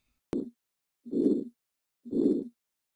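Harsh, rushing murmur filling each beat at about 60 a minute, typical of aortic stenosis.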